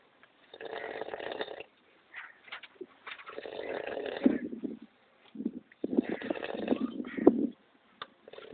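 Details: A cobra's snore-like breathing: rough, rasping breath noises in repeated bursts about three seconds apart, with a snoring quality.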